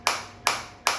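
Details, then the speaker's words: Focused shockwave therapy device at intensity 10, frequency auto-adjusted to 150, demonstrated on the operator's own uninjured body with deep penetration felt; sharp, loud snapping shots about every 0.4 seconds, 197 shots delivered in the demo. "बिलकुल अंदर तक मेरे को penetration हो रही है और मेरे को फील हो रहा है तो मैं इसे स्टॉप करता हूं"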